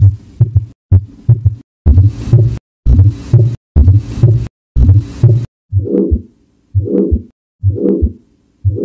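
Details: Loud, regular, low heartbeats in lub-dub pairs at about 64 beats a minute, later becoming softer and more ringing; heart sounds.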